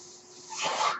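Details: The speaker's own mechanical ventilator, recorded during his talk: a faint steady hum, then a rising airy hiss of air pushed through tubing as a breath is delivered. Mechanical ventilator sound.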